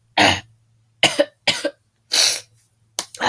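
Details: Five harsh, raspy coughs in short bursts, some with a double barking quality, from a person who is sick with a sore throat; the cough is described as a recurring "moose cough" during illness.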